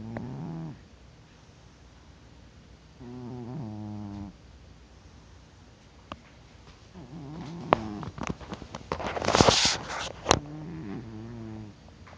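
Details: Deep-sleeping cat snoring with rhythmic low rattling snores on each breath and brief clicking and rustling between; he won't wake despite poking, and grows louder over time.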